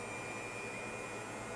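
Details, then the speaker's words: Cough assist (mechanical insufflation-exsufflation) machine in manual mode running while inspiratory pressure is checked via toggle and dialed down from about 25 to positive 15: steady blowing machine noise with faint whine. "I'm going to turn the machine on and the first thing I'm going to do is check the inspiratory pressure by pushing the toggle switch to the inhale side"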